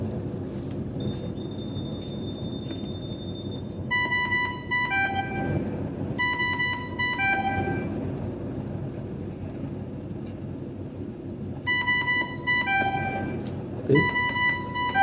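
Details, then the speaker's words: Savina 300 ventilator being switched on during setup: repeated bright multi-note electronic tones over a steady hum as it enters standby mode; ventilator standby alert tones. "untuk nyalain yang tadi saya nyalainya [Musik] [Musik] pas nyalain dia akan bunyi standby seperti ini."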